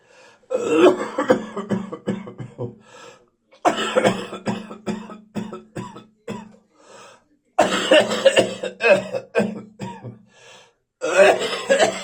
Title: Post-Viral Coughing and Spitting